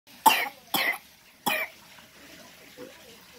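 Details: Young child sick with RSV infection: three short, harsh coughs, then a faint fourth; a wet, irritated cough.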